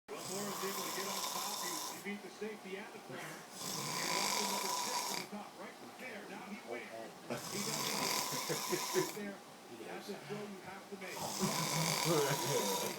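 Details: Harsh, buzzing snores on each breath from a sleeping man, separated by quieter breathing, with steady room noise; loud snoring.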